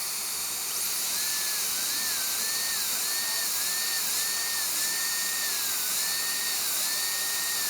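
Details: Steady high-pitched dental high-speed handpiece whine, pitch dipping and recovering with light cutting strokes on the distal of tooth #9 during an all-ceramic crown prep; the operator remarks the turbine sounds like it's starting to go.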